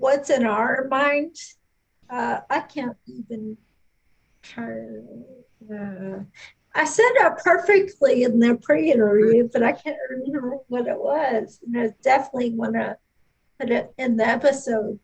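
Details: Adult speaker; no speech disorder.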